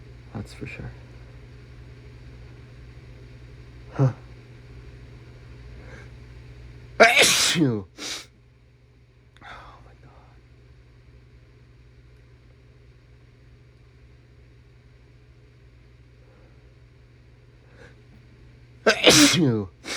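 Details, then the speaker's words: Adult with a cold, throat getting sore from repeated sneezing and everything tickly: several loud sneezes with a brief breath catch between them, in a quiet room. "My throat is starting to feel really sore from sneezing, actually."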